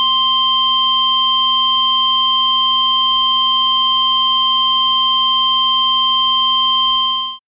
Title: Hospital, Heart Monitor - Heart Monitor: Electronic Beeps: V-Fib to Flat Line, Hospital,...